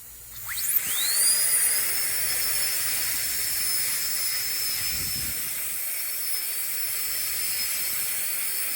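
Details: Dental handpiece with football bur contouring composite at the lingual and cervical region of a restored chipped upper central incisor, male, checking for overhangs: high steady whining hiss as the drill spins up and runs.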